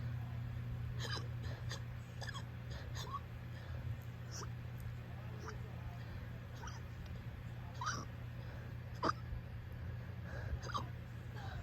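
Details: Uncontrollable hiccups at 5am: repeated short, sharp catches of breath over a steady low hum, a bout of hiccups.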